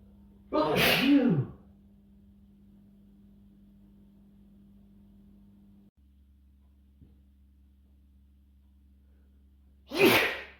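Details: Adult male who says he usually sneezes 3 to 5 times in a row; two loud, explosive sneezes, each with a sharp intake, separated by quiet; ordinary natural sneezes.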